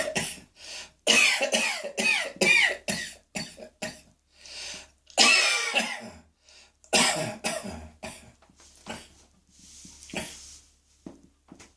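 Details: Adult has a coughing fit while dressing and rushes to the bathroom: a prolonged run of harsh, repeated coughs with brief gasps between them.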